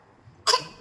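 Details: Child deliberately faking a cough on camera: a single short, sharp cough with a brief trailing breath.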